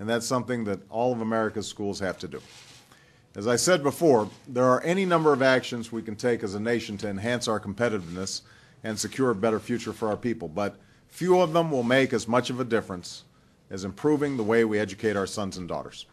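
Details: Adult man, speech recording; fluent speech.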